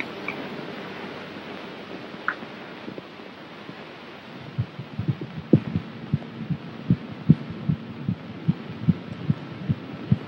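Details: Soft, rapid, fairly regular thumps at about 150 a minute under a steady hiss: a fetal heartbeat in the normal fetal range, heard by a doctor during an abdominal exam of a pregnant woman; dramatized 1938 film.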